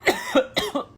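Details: Adult acting different kinds of coughs for comic effect, heard as four quick, voiced cough bursts in two pairs.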